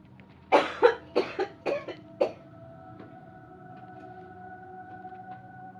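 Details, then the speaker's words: Six short, loud coughs in a quick cluster, then quiet with a faint hum, during a demo of a "cleansing-healing coughing technique" with no touch or pressure points; the person says they feel more coughs coming. "I feel another cough coming. I can feel it."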